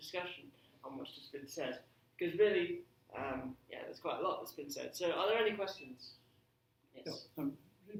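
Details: Adult man speaking; ordinary speech.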